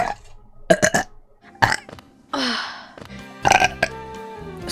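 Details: VTuber's repeated burping on stream: several short burps, then one longer rumbling burp, with music playing behind.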